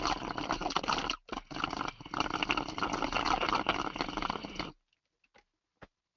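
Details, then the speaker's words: Imitation of rhonchi, made by drawing fluid and air through a straw from an almost-empty container: a gurgling, rattling, low rumbling slurp like air moving through mucus. "so what happens is that's air moving through mucus just pouring through mucus and we got it all described here in our pic monic it's just low rumbling like some and it sounds a lot like sucking air through a straw"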